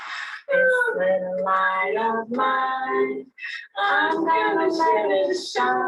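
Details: Adult woman with aphasia after a gunshot wound to the head, relearning speech through music therapy, unable to say a word but able to sing it; aphasia with preserved singing.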